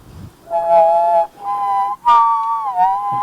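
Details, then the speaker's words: Whistled simulation of left-ear diplacusis after a concert tour, possibly from flying while congested: three phrases, each with a second "ghost" tone gliding in parallel just below, one note heard as two. "so I heard this ghost note there mhm and that's what I'm hearing in my so it's kind of like a floating additional yeah that's what I'm hearing in my left ear"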